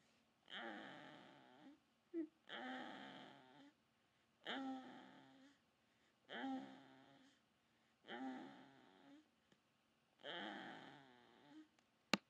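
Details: Snoring: six regular rough, rattling, buzzing snores on the in-breath, about 2 seconds apart, in a quiet room.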